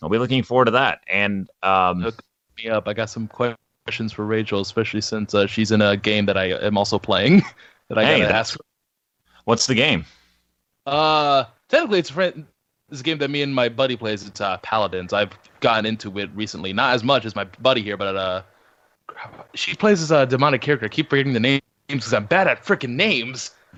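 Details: Adult male speaker; normal speech.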